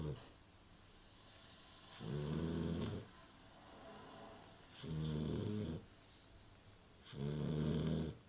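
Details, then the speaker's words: Young puppy's first recorded snoring in sleep: three low rumbling snores roughly every 2.5 seconds, about 24 a minute, with quiet breathing between. "that's one snoring puppy"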